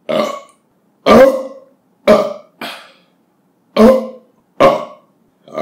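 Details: Seven loud, deep belches in a row, each a short rumbling burst followed by silence; a compilation of repeated burping after drinking soda or beer or eating.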